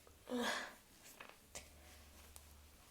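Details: Self-induced loud voiced sneeze with sniffing and faint nose sounds in a quiet room; ordinary sneeze.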